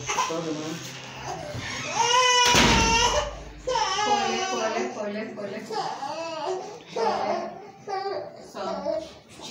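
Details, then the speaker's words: Loud crying in several bursts, with adult voices close by, from a three-month-old baby girl at her 14th injection in hospital. "i know she's crying a lot but when you are we went to the hospital she was injected"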